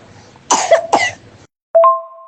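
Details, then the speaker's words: Child (paediatric patient) with severe dry cough, recorded as a voice note: two harsh, dry cough bursts with a brief electronic tone at the end. "आया सो देर इ voice note present जिसम वो बोल रहे हैं कि उन्हें काफी खासी है आप कफ नोट भी कर सकते हो"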